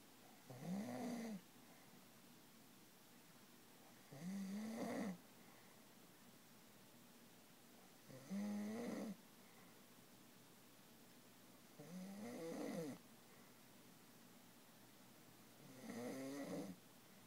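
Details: Loud, rough snores from a drunk sleeper, recurring about every four seconds (roughly 16 breaths a minute) in a quiet room.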